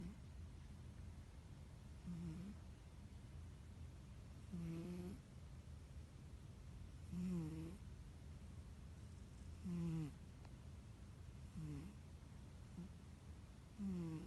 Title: My cat snores. Моя кошка храпит